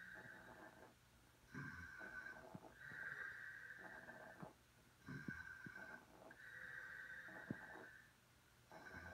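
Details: Irregular snorting, rasping snores with whistly nasal tones, about 16 a minute, from more than one sleeper, a father and his child, snoring together.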